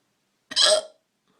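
A single abrupt, gulping voiced catch, heard as one hiccup.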